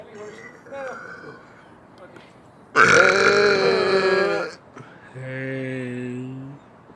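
One long, loud, drawn-out belch, then a shorter voiced sound after it, with soft sounds before. Ordinary burping.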